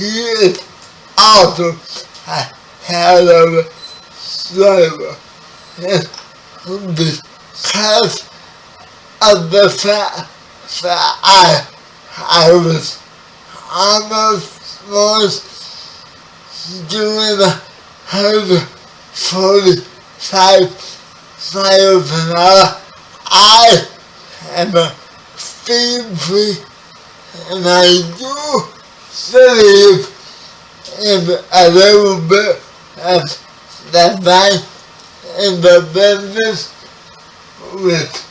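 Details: 30-year-old man with spastic quadriplegic cerebral palsy, born 11 weeks premature; his speech is affected by the condition. Dysarthria (cerebral palsy).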